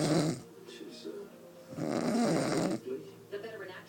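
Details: A woman snoring in her sleep, though she says she does not snore: loud, rough, rattling inhaled snores with quieter pauses between them.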